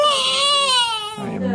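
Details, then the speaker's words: Newborn baby boy crying during a bath, described as crying a little and then calming himself: a single drawn-out, high-pitched wail that falls away at the end, an ordinary newborn cry. "I like but is that he doesn't he cries a little bit and then he calms himself you know you're okay you don't like baths"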